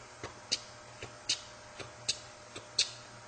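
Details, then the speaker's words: MRCP PACES exam teaching of a mechanical aortic valve replacement: soft heart sounds alternating with sharp, high-pitched metallic clicks, a prosthetic second heart sound. "and with the atic Val replacement you will get a prosthetic second hat sound and it sound like"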